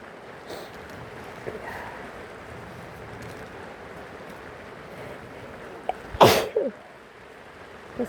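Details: Person sick with a cold, sniffly, recording rain sounds: many sneezes with rain in the background; sneeze.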